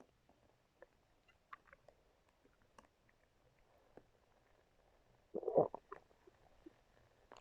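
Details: Faint scattered clicks and gurgles, then one short louder rumbling gurgle from a growling stomach, recorded with a brush.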